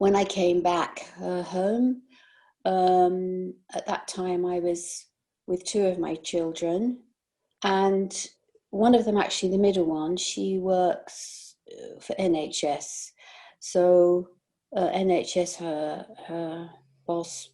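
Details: Post-stroke aphasia in a 62-year-old whose stroke occurred during sleep about 18 months ago, with word-finding and comprehension difficulties; aphasia.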